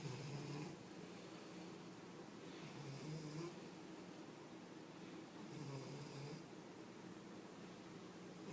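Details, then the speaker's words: Cat sleeping on a table gives three rough, rumbling snores on the in-breaths, about 21 a minute, in a quiet room; owner calls it loud and rough; snoring. "Rex, you're snoring. Rexy, you're snoring. Rexy, wake up. You're snoring."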